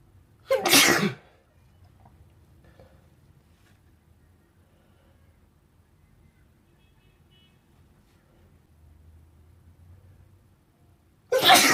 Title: Sneezing while sitting on the carpet